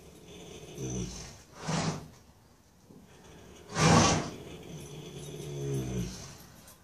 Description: Colt, our 4 year old Paso Fino gelding, snores every single night!